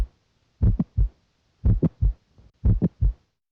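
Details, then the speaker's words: Adult male heart auscultation with the stethoscope diaphragm: heartbeat near 60 a minute with a short, high-pitched extra click early in systole between the first and second sounds, attributed to mitral valve prolapse; midsystolic click. "You may hear a midsystolic click early in cy. This short high-pitched abnormal sound results from mitro valve prolapse and is best heard with the diaphragm at the"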